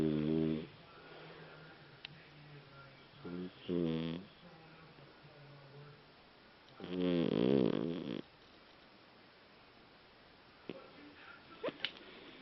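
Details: Fox terrier asleep: a few short, irregular snorting breaths with a voiced, buzzing quality, separated by quiet gaps; dog snoring.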